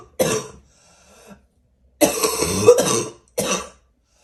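Three harsh cough bursts, the middle one longer and rougher, with a brief faint noise between; a barking-type cough.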